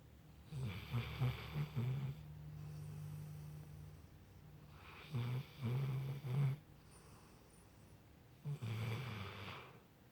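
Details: Dog snoring during sleep: low, buzzing snores about every three to four seconds, with quieter breathing between; ordinary snoring.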